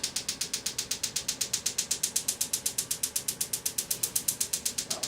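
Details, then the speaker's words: Extracorporeal shockwave therapy device pulsing during treatment of an adult's Achilles tendonitis at a chiropractic clinic, intensity level 13, set to 8 pulses per second, 2,000 of 3,000 pulses done; steady rapid mechanical clicking. "the machine does eight pulses per second so it's not going to take us three thousand seconds to the treatment"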